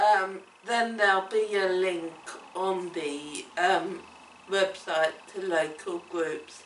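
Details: Woman with cerebellar ataxia affecting her speech and coordination: ataxic dysarthria.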